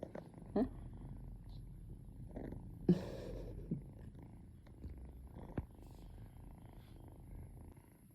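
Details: Cat purring.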